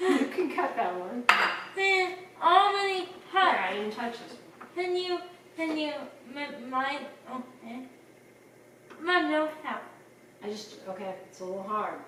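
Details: Young speaker in a kitchen; speech.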